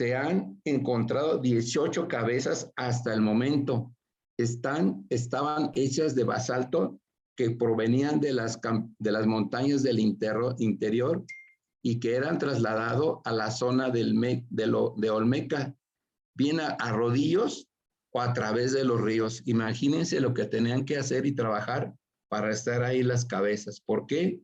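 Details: Aphasia after a stroke (acquired brain injury) in an adult man speaking Spanish in a workshop for people with aphasia.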